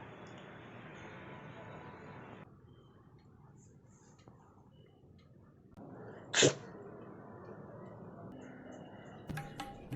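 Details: Staged comic skit about sneezing during the coronavirus period: a single sharp, explosive sneeze burst over background room noise with faint music.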